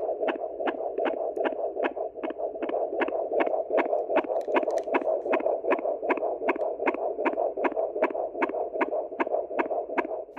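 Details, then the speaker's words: Normal fetal heartbeat heard with a Doppler ultrasound probe with gel on the mother's abdomen: rapid, regular whooshing beats at about 150 a minute, within the normal fetal range of 110–160. "Now that was achieved by listening to the heartbeat using a Doppler ultrasound with a bit of jelly on the top of the probe here and taking a listen to the heartbeat of the baby inside of the mother's womb."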